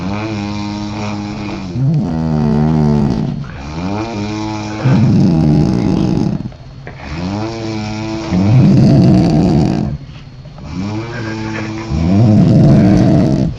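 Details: Mother and daughter sleeping in a hotel room after drinking alcohol: loud, rough snoring in repeated cycles of about 17 a minute, two sleepers overlapping; snoring.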